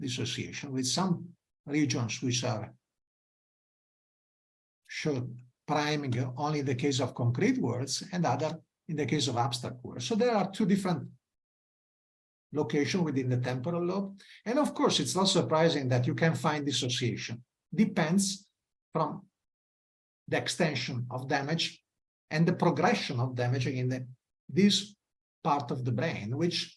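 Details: Adult male speaker, lecture; normal speech.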